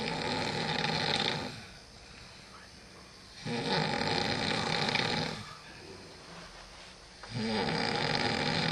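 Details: Loud, rough snoring on three inhalations with quieter exhalations, about one breath every three and a half seconds, from a man asleep during a lock-in; snoring.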